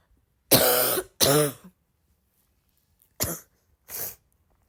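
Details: A sick girl gives four harsh coughs in two pairs, the first two loud with a barking, croaky edge; a congested, barky cough.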